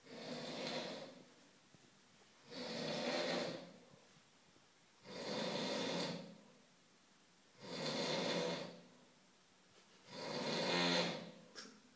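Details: Snoring during sleep: noisy, rough breathing in slow regular cycles, about five in twelve seconds, with quiet pauses between.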